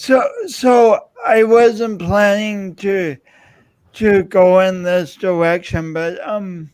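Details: Adult man with a self-described speech impediment of unnamed type; speech impediment.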